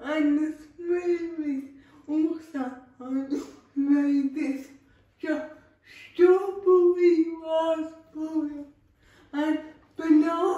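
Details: Dysarthric speech in a female speaker with cerebral palsy, real everyday vlog speech.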